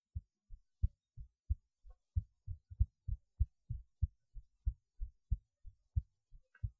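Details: Self-recorded heartbeat while lying on the left side: clear, steady low lub-dub thumps at about 92 beats a minute, otherwise quiet; normal-sounding heartbeat.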